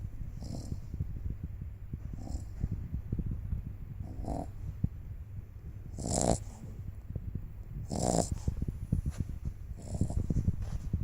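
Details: Dog snoring in sleep, November 2015: low rumbling snores with snorting bursts against a steady low background hum.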